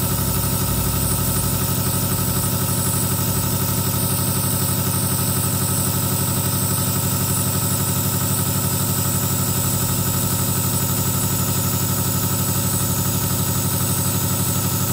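Steady motor hum with fast, even pulsing and a faint hiss throughout: a nebulizer compressor running continuously.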